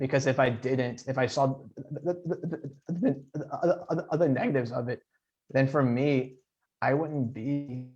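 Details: Adult man who stutters, speaking in an interview with audible repetitions; stuttering.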